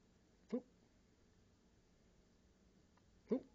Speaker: Honey, do you have the hiccups?